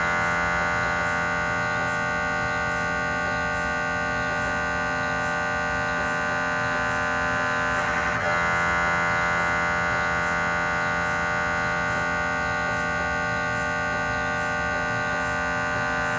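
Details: Cardiac MRI gradient noise from a GE 3T scanner with 8-channel cardiac coil scanning test phantoms: loud steady electronic buzzing with rapid regular pulsing, about 214 pulses per minute.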